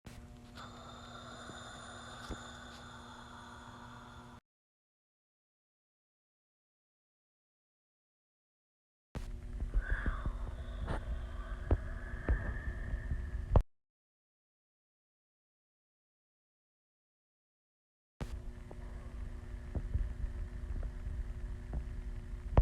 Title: hungry stomach growling